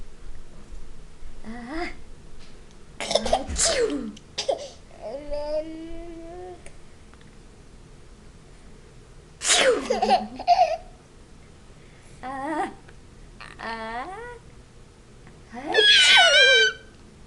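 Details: Adult sneezing while a baby boy laughs at each sneeze: several sharp, explosive sneeze bursts, with the baby's babbling and laughter in between.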